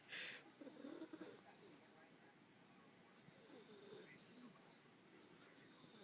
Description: This is Tara the Jack Russell Terrier sleeping and snoring!!